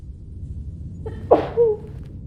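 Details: Single loud acted sneeze after a brief catching inhale, from a female role-play of allergy sneezing attack, embarrassed and trying to muffle during a cinema date; sneeze.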